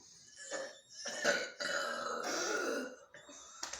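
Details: Friends deliberately burping after drinking soda (Mountain Dew) on cue: several loud, drawn-out burps in a small room with brief talk around them.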